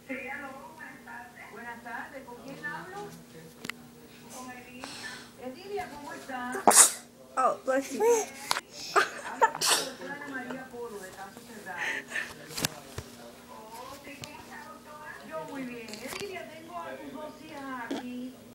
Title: Fart sneeze